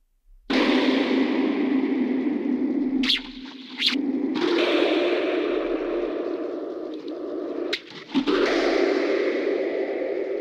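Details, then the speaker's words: Simulated cochlear implant hearing of a guitar, two years after processor activation, by a user with one functional ear: smeared, hollow, whooshing tones with audible breaks between notes and faint finger-slide scrapes. "And here is the same sound that I hear through the implant. As you can hear, the sound is even less similar to the original than the baby's cry, but everything depends on the context."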